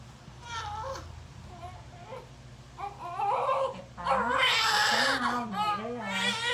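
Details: Newborn baby boy crying just after vaginal delivery, third baby, cord was coiled around him: short, strong wails rising in pitch, with background voices and room noise.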